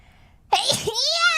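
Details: One sharp sneeze burst followed by a drawn-out voiced sound, at the end of a livestream; a single ordinary sneeze.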